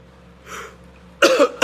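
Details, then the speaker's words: A single cough heard during a live-streamed talk, with the speaker's surrounding speech remarking on his cough. "hey that was great did you hear that my cough finall"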